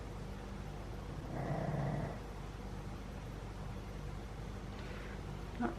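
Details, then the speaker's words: Dog snoring while asleep: a single low, rumbling snore-like breath over steady room hum. "hazel is really starting to snore I don't know it's pretty being loud you should hear it when they all start snoring together you have their own symphony"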